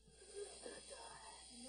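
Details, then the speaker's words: 15-year-old boy in a severe, life-threatening asthma attack with retractions: faint, brief high whistling wheezes on strained breathing from airways narrowed and clogged with mucus. "can hear the wheezing the breathing tubes in chris's chest are squeezing tightly shut and filling with sticky mucus blocking his vital oxygen supply"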